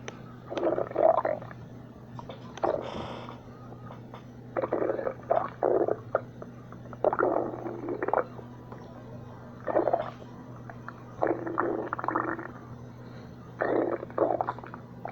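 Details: Liam's stomach, recurring episode: repeated gurgling, rumbling bursts about every two seconds over steady room hum; stomach growling (borborygmi).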